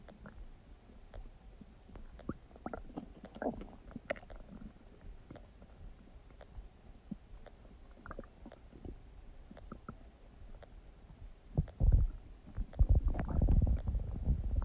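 Low irregular gurgles and rumbles that build into loud rolling growls toward the end; ordinary digestive bowel sounds.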